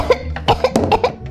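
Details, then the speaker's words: Acted children's video: a child coughs in a rapid burst of about five to six harsh, voiced coughs after a smoothie went down the wrong way while drinking lying on a swing: choking cough. "Çünkü salıncakta ve yatarak içtin. O da boğazına kaçtı."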